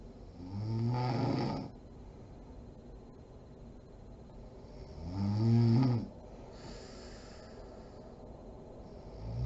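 Two slow, rumbling snores on the in-breath about five seconds apart, with faint noisy out-breaths between, during sleep.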